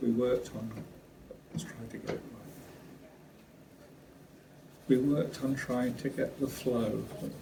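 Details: Brain injury survivor (exact injury unstated) living with acquired aphasia; aphasia.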